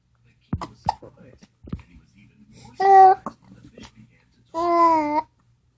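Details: Baby babbling, with two drawn-out vocal sounds, interrupted by short, abrupt hiccup catches; infant hiccups.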